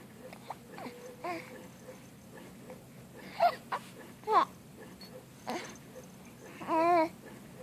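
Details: Infant who has been sneezing; soft fussing whimpers build to a brief, tonal wailing cry near the end over quiet room noise; infant cry.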